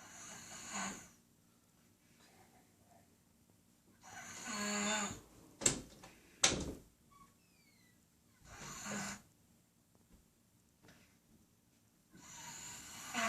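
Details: 19-month-old child snoring: soft, airy snoring breaths at irregular intervals, with a couple of sharp knocks in a quiet room; light snoring.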